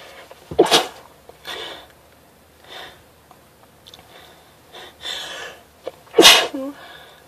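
Two sharp, explosive sneezes with quieter sniffs and breaths between them.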